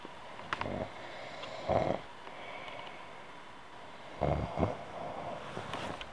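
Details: Female human snoring, audio only: soft, brief snores on the in-breath against a steady background hiss.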